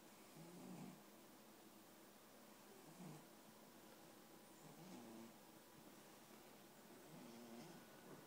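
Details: Soft, low snoring from a sleeping female pet, about four breaths in eight seconds, over steady background hiss.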